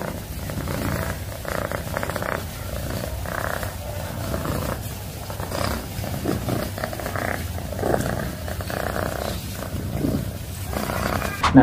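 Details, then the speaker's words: Steady low rumbling purr from a domestic cat, continuous through in and out breaths; cat purring. "Ya, bagi yang belum pernah dengar dengkuran kucing, mungkin ini dengkuran kucing, ya. Contohnya seperti ini, gitu, ya."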